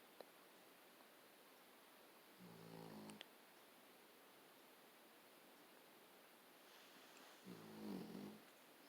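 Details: Akita dog snoring while asleep: two loud, buzzing snores with long quiet gaps between them.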